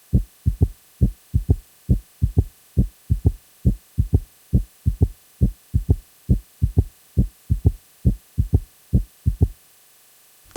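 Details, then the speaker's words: Simulated third heart sound (S3 gallop) in a heart sounds tutorial, about 68 beats a minute: soft extra thump in early diastole just after S2, "Kentucky" rhythm. "Let's now move on to S3 otherwise known as the third heart sound. This heart sound occurs during early diastily just after S2."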